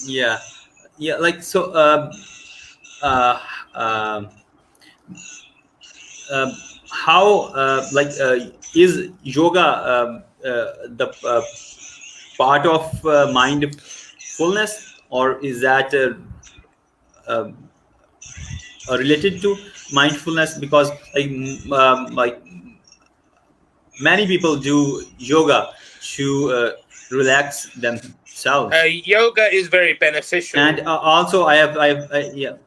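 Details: Adult who has stuttered since age four, stuttering on nearly every sentence at school, now working as a teacher and life coach; stuttering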